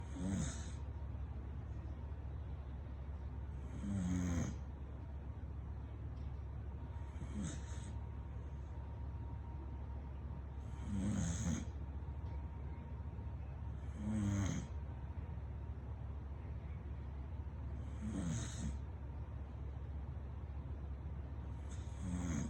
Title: American Bully Snoring